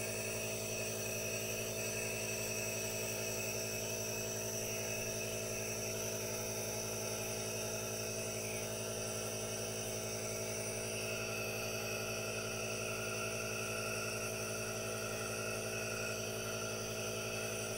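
Steady hissing, humming machine noise with a faint motor buzz, typical of an aerosol nebulizer running continuously.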